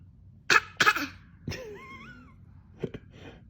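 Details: A young child gives two quick, forced pretend coughs, followed by a brief vocal sound and two small coughs: a voluntary pretend cough.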